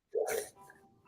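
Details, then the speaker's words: Human imitation of a dog's reverse sneeze, described as an inward sneeze, an inhale then an explosion; one brief, harsh snorting burst through the nose. "it's like an inward sneeze yeah it's sort of it's sort of like an inhale and then like a it's like an explosion"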